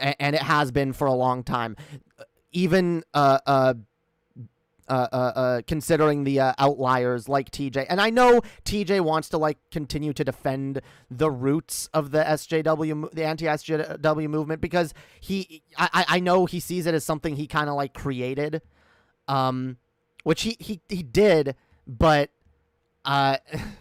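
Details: Streamer who self-reports stuttering, with repeated words and fillers; real stuttering.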